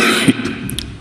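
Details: Man coughing repeatedly during a parliamentary speech in Turkish, the coughing interrupting his speech.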